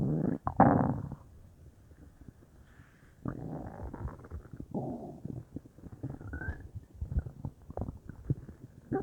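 Low gurgling and rumbling belly noises, bubbling in waves, typical of ordinary bowel sounds.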